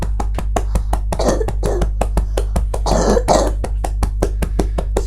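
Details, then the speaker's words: Physiotherapy chest percussion with postural drainage for clearing lower-lobe secretions, as for post-pneumonia or COVID-19: rapid rhythmic percussion thumps with two loose, moist coughs clearing sputum; productive cough. "she sounded chesty he because her even that little bit I've done has helped to clear a bit of sputum you could hear a little bit there"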